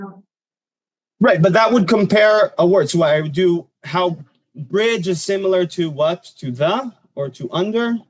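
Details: Adult male speaker; normal speech.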